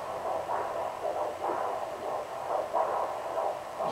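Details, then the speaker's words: Fetal heartbeat on Doppler, about 140s–150s bpm, described as normal: rhythmic whooshing pulses over steady static, picked up again after repositioning the probe. "Or you can hear it already. 150s, 140s, 150s, which is good. It's normal."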